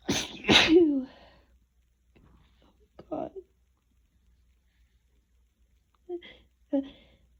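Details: Sneezing fit during a cold that woke the person from sleep; two loud sneezes in quick succession with a voiced tail and barely a breath between them, then quiet and a few short vocal sounds.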